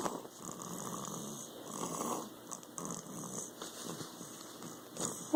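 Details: Snoring with a stuffy nose: snuffling, congested snores with wet nasal rattles through a blocked nose.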